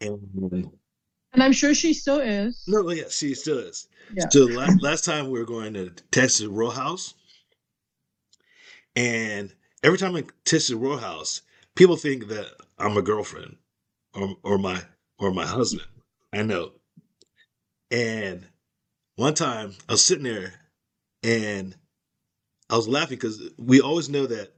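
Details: Aphasia after a stroke in an adult woman; speech shows word-finding pauses, restarts and repetitions.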